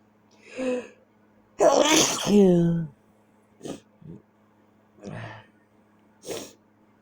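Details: A loud sneeze with a voiced tail, then several shorter sneezes and sniffs in a quiet room at night; repeated sneezing keeping the person awake.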